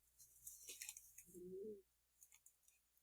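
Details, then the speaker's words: Sleeping tortoiseshell cat snoring nearby, picked up through headphones: a faint half-second whistling, nasal-sounding breath with soft clicks and room hiss. Snoring. "well if you hear that weird noise behind us it's just a little uh tortoise shell cat snoring"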